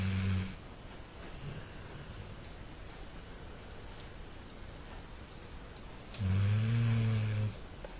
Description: My sons puppy labrador snoring